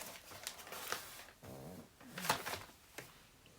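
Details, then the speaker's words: Two sleeping pugs, mainly the younger female, snoring in the background of a quiet room: irregular snorting, rattling breaths with brief whistling, grunting tones, described by the owner as a terrible noise. "Before we go any further, just let me say that the noise you can hear in the background is my two pugs snoring or particularly my youngest one, Bella. She is making a terrible noise."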